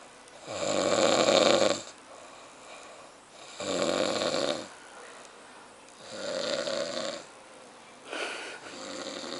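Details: Snoring.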